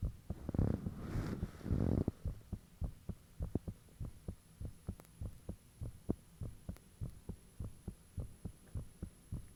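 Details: Self-recorded heartbeat with fan off, taken shortly after the heart began feeling unusually thumpy: steady, fast paired thumping about 105 a minute with rushing noise early on against a low hum; valve and blood-rushing sounds reportedly audible.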